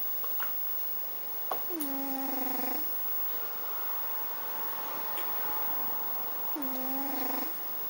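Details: Cat snoring.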